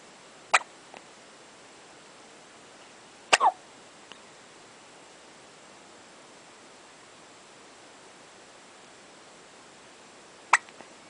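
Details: Newborn with hiccups: three brief, abrupt hiccup sounds spaced several seconds apart against a quiet hiss.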